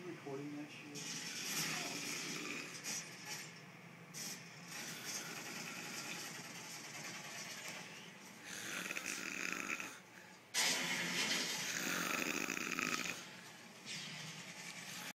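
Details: Person who has passed out asleep, snoring loudly: noisy, rough sleep breathing with hissing bursts over room noise; snoring.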